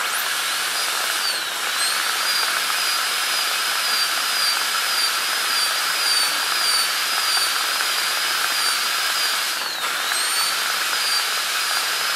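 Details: Steady high-pitched whine of a dental high-speed handpiece running continuously, with brief pitch dips as it bears on the tooth, during an ADC practical exam demo of an FGC preparation on tooth #36.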